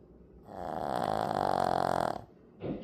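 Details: A pet snores: snoring.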